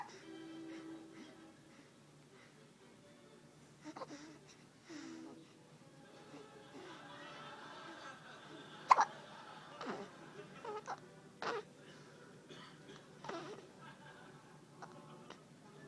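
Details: Persistent hiccups in a child that won't stop: short, sharp hiccups recurring irregularly over quiet room noise and soft background music.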